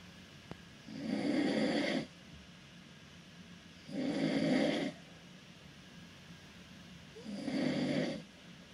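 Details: An adult man snoring loudly in a cruise ship stateroom, loud enough to keep his roommate from sleeping for days.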